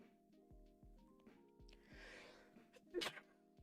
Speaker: I've got a sneeze coming on too, by the way. So here we go.